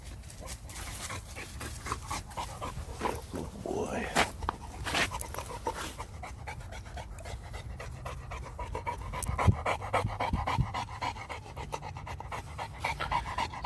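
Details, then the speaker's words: Heavy, rapid panting from an 11-month-old Renascence Bulldogge on an off-leash spring woodland hike; clean breaths with no rasp in the back of the throat, which the owner attributes to the line lacking an elongated soft palate. Normal heavy panting without stertor. "again he's breathing heavy you don't hear that nasty rasp in the back of the throat and that's because I've over the generations read these guys do not have that elongated soft palate that's what a clean breathing Bulldog sounds like"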